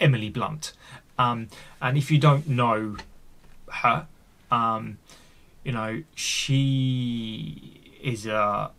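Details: Real, unedited speech of an adult man who stammers and is on a speech therapy journey; stuttering.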